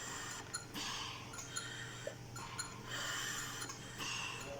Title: How to calibrate Siemens Servo 300 Mechanical Ventilator Tidal Volume Out of Range..